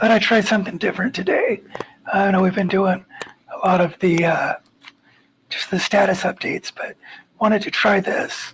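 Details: Dysphonia in a man, recorded in hospital after a coma and one of his two tracheostomies while relearning to talk; endoscopy showed undamaged vocal cords. It persisted for months until speech therapy, and vocal power stays reduced years later.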